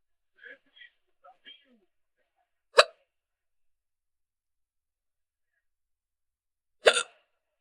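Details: A girl with hiccups; a few soft syllables of speech, then two sharp, sudden hiccups about four seconds apart in a quiet room.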